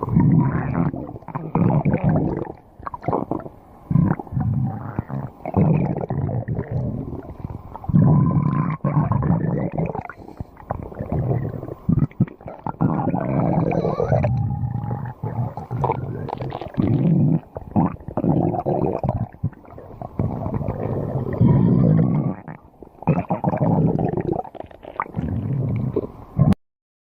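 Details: A girl's stomach growling: long runs of low gurgling rumbles with squeaky, sliding tones from gas and fluid moving; borborygmi.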